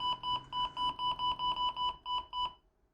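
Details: Rapid run of about ten short high beeps as the infusion rate (100) is keyed into an Andromeda SY5000 syringe pump holding a 50 ml syringe; syringe pump setup beeps.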